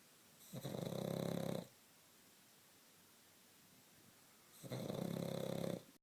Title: Snoring pug